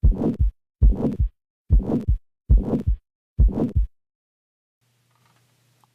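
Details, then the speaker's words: Harsh heart murmur: five loud, rough heart cycles with a coarse murmur filling each beat, high and low pitches together from a large volume of flow, then silence and a faint hum. "this will create a subjectively serious sounding murmur which is frequently termed harsh"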